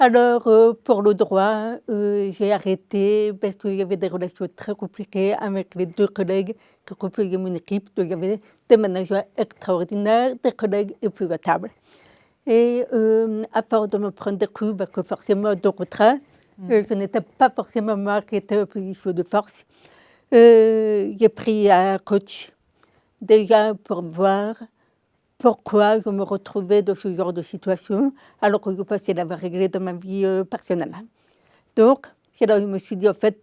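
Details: Adult woman deaf from birth, diagnosed at 9 months, told she would never speak, who learned speech through 20 years of speech therapy three sessions weekly; deaf speech (congenital hearing loss).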